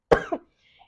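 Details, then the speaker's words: Spontaneous cough from an adult who says they have been unwell for a few days and apologizes for their voice: a single short, sharp cough with a brief second burst, followed by quiet. "Excuse my voice. I have not been feeling well since few days."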